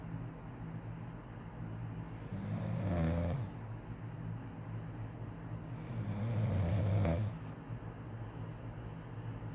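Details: Adult woman (wife) who says she doesn't snore, recorded asleep during her quiet snoring; two slow, rough snores on breathing in, about 16 breaths a minute, over steady room hum; ordinary snoring.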